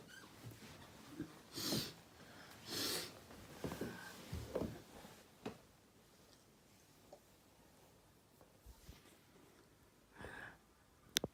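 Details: Several short, sharp snorting bursts over quiet room noise, fitting a run of small sneezes.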